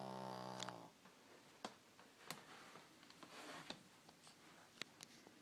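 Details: Snoring.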